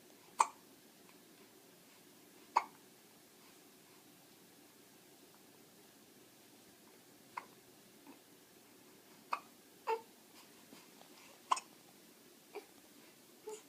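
Soft, sharp hiccup clicks at irregular intervals, about ten in fourteen seconds, over quiet room noise; infant hiccups.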